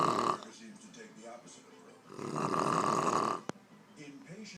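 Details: Adult woman sleeping after a day of drinking: rough, rattling snoring breaths in a quiet room; snoring.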